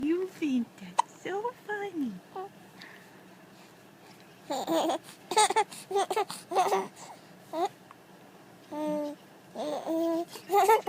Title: hiccups/giggles